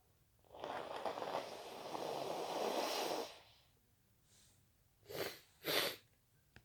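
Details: Induced, wet and intense sneezing: a long forceful noisy expulsive burst, then quiet, then two short sharp bursts.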